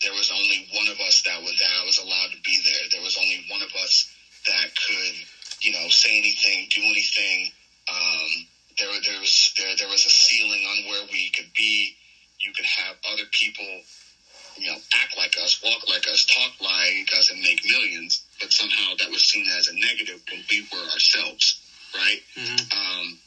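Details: Adult male with a self-reported stutter, long causing nervousness about speaking, which he says goes away when cutting promos; real, unscripted podcast conversation; finding: stuttering.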